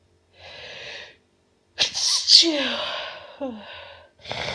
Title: Only nonstop sneezing